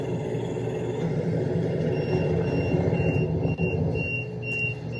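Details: Ventilator alarm near a boy with Hunter syndrome, who sounds raspy while being transferred by lift: steady low machine rumble with repeated high-pitched electronic beeps in the second half.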